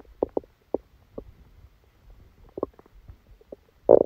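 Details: Scattered gurgles and bubbling rumbles from the belly, ending in a louder gurgle: active bowel sounds during a stomachache after Christmas dinner, recorded while the person was sleeping.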